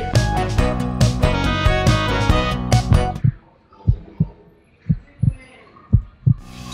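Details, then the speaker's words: Cheerful music, then regular paired lub-dub thumps at about 65 a minute: a heartbeat sound effect as a pup named Roger is checked with a stethoscope in a children's pretend vet check-up. "Yeah, so let's just check his heartbeat."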